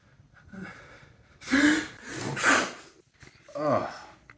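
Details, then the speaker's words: Simulated sneezing in a comedy sketch about allergies: two forceful, explosive sneeze bursts with a sharp breath between them, the sneezer's mouth covered by another man. "No, what Why would you do that? I was covering your mouth. I didn't ask you to cover my mouth for my sneeze."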